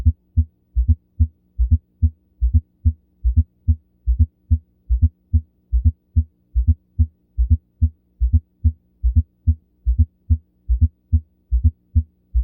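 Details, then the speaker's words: Regular heartbeat near 72 a minute with a soft low extra sound just before each first heart sound, in presystole: a fourth heart sound (S4 gallop). "прослушайте аудиозапись четвёртый тон звучит непосредственно перед первым в пред"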